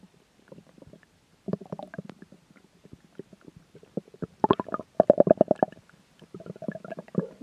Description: Oh, dear, what could I have swallowed this time?